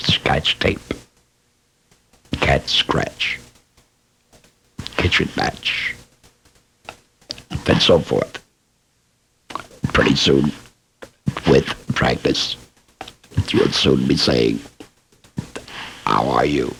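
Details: Laryngectomee speaking with esophageal speech.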